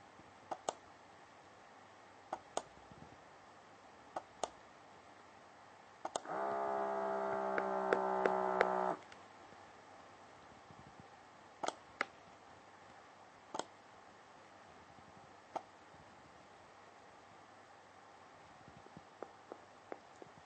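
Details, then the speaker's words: Welch Allyn 6100 ambulatory blood pressure monitor demonstration: steady pump whine of about three seconds among scattered clicks as the cuff inflates for a test reading started by pressing the blue button twice; blood pressure monitor inflation. "you give them a test which will be shown on the dispos screen on the front of the abpm you do that by pressing the blue button twice [Music]"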